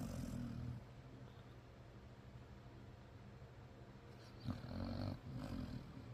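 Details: Sleeping dog, the loudest snorer in the room: low rumbling, growl-like snoring with louder rough snores toward the end.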